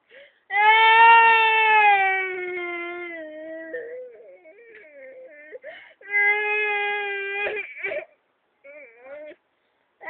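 Sustained, tonal wailing cries from a young child, broken by whimpers and catching breaths; ordinary crying.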